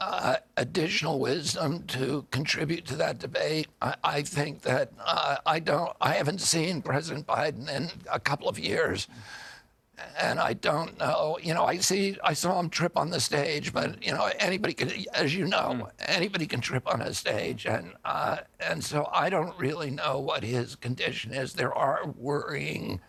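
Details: Adult man with neurological spasmodic dystonia of the vocal cords, which tighten constantly, beginning after an injury in 1996 at age 42; surgery in Kyoto about eight months earlier made his voice more reliable; spasmodic dystonia.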